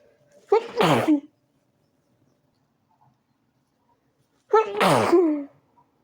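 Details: A person in bed, trying to sleep early, sneezes repeatedly after turning onto the other side: two loud sneezes a few seconds apart, each with a sharp intake before the burst.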